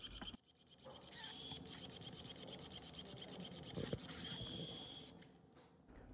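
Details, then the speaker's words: Powered pin driver in a dog's TPLO surgery after plateau rotation: the anti-rotation pin is driven through the caudal cortex of the plateau segment. High-pitched whine with grinding as it passes through bone, pausing briefly. "the anti-rotation pin is driven through the chordal cortex of the plateau segment"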